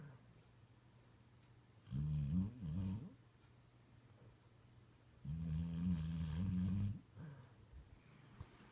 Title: The Puppy That Snores Like a Human!